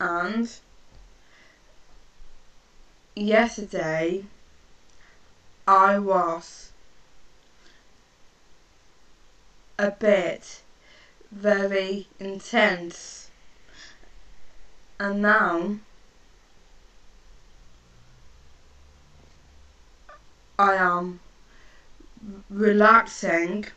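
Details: Woman who stammers, speaking slowly in short phrases with long pauses; stuttering.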